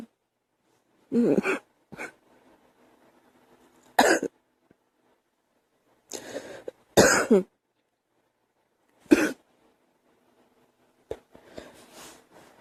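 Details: Several separate plain coughs from a girl in short bursts, some paired, with quiet gaps between them.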